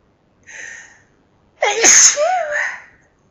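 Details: Forceful sneeze fit, louder than normal sneezes: a soft catch of breath, then one loud sneeze with a sharp explosive burst and a trailing voiced end.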